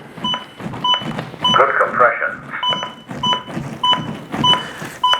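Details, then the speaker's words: AED training demonstration during CPR after a no-shock analysis: regular metronome beeps at about 100 a minute, with the defibrillator's voice prompts giving compression feedback to push harder. "see and then it's going to give us that feedback right away and let us know that we need to go harder"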